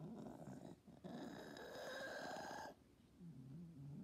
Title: Cat with stertor respiratory upper airway throat noises.not stridor